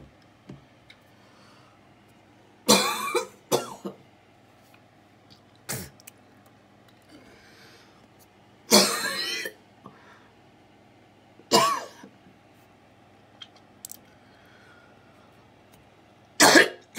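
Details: Coughing attack recorded 3/19/20, which the person attributes to lungs exposed to frequencies: about six harsh, forceful cough bursts separated by quiet pauses; coughing fit.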